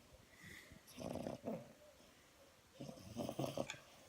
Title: Locke the french Bulldog snoring